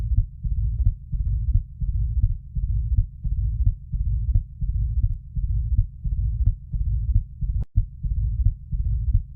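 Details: Mitral stenosis: decrescendo-crescendo diastolic murmur, a rumble filling the pause between regular low heartbeats near 88 per minute.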